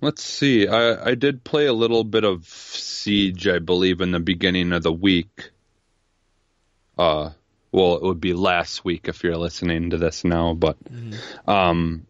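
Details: Adult male speaker; Normal speech.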